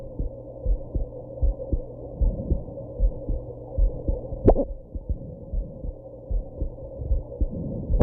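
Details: Heartbeat after smoking and drinking a little alcohol, during hiccups: muffled, regular beat at about 77 per minute with a steady hum, interrupted once by a sharp hiccup jolt.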